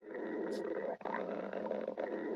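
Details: Cassandra's continuous low, gurgling, bubbly, churning rumble with a brief pause midway: ordinary stomach growling (borborygmi).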